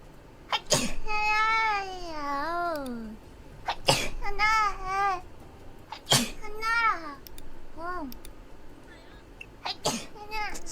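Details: Four sharp, explosive sneezes from a person, each followed by a high, drawn-out, sing-song vocal sound, with faint room noise: sneezing.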